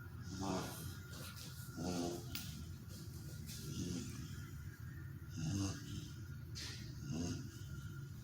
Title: dog sleeps and snores 101